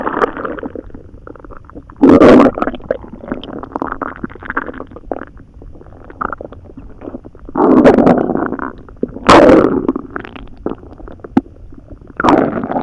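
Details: Loud borborygmi after swallowing a few poorly chewed hot dogs and a lot of water: gurgling and rumbling from the belly, with several sudden louder gurgles among softer bubbling sounds.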